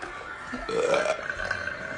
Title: Girl burping #burping #burp